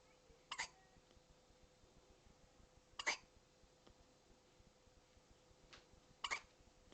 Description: Poor has the hiccups, and we alll think it's so cute!